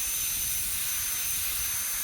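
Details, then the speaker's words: High-speed dental handpiece with burr held almost straight on the mesial aspect of a primary molar on a typhodont model, proximal reduction to a feather-edge finish line for stainless steel crown: steady high-pitched whine with hissing air. "So as you can see, I am placing the burr almost straight on the mesial aspect of the molar."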